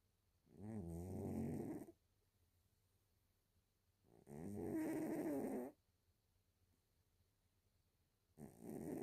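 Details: A cat snoring loudly while asleep.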